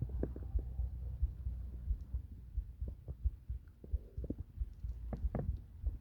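Low, muffled heartbeat thumps, roughly 85 to 90 a minute, mixed with gurgling stomach rumbles; an ordinary heartbeat.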